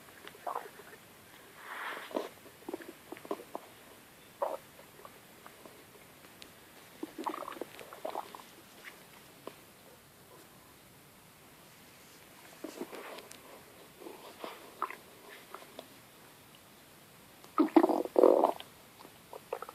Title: Very loud stomach growling